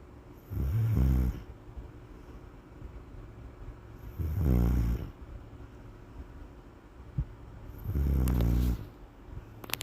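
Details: Pitbull named Bruizer sleeping: three deep, rumbling snores, one every three to four seconds, about 17 a minute, with faint room noise between them; snoring.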